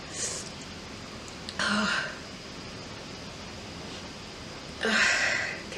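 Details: A woman sniffs flowers dusted with pepper to set off sneezing, then gives two forceful, deliberately induced sneezes a few seconds apart, each a sudden loud burst of air, against a quiet background.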